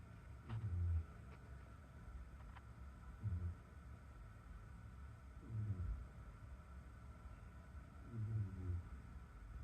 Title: Cat snoring in bath